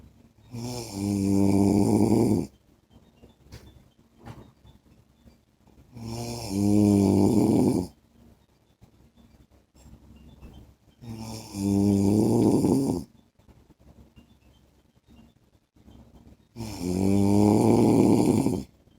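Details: Husband's heavy snoring in sleep: loud, rattling snores on each inhalation, about 11 per minute, evenly spaced with quiet breathing between.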